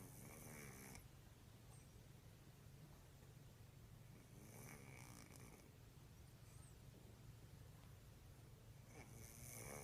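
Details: Sleeping cat snoring about as loudly as a grown man: loud, rattling snores recurring every few seconds over a steady low room hum; snoring.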